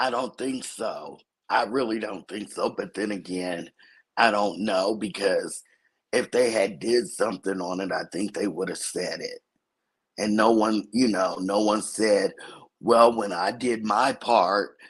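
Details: Dysphonia in an adult woman from a vocal cord injury, accidentally touched during recent thyroidectomy; hoarse, altered voice; she expects recovery in a couple of months.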